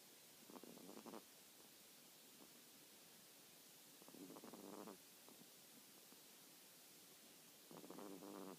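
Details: 1-year-old female teacup Pomeranian snoring on a sofa in the evening: three rough, buzzing snores on the in-breath, separated by pauses of several seconds over a faint hiss; snoring.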